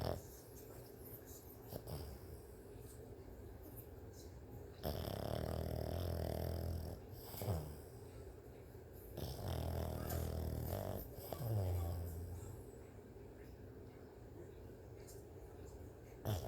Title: Do Pugs Snore?